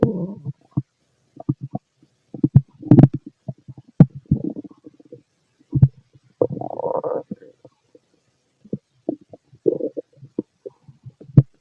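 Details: Fit male's abdomen heard through a stethoscope while he digests a mixed meal; irregular gurgles and rumbling bursts: ordinary bowel sounds.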